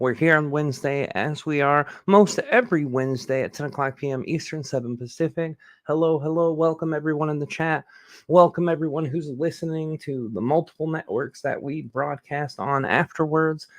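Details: Adult male speaker; normal speech.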